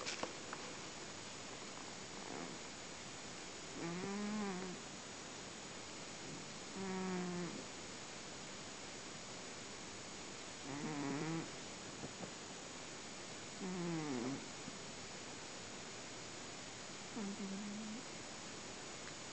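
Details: Pet cat snoring in very deep sleep, not waking even when her head is rubbed: soft, buzzy snores about one every three seconds against steady room hiss.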